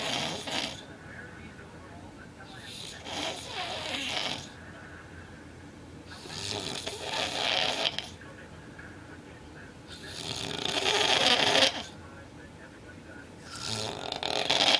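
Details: Loud, harsh, rattling snores every three to four seconds with each breath in, quieter gaps between, from a boyfriend described as snoring really badly; severe snoring.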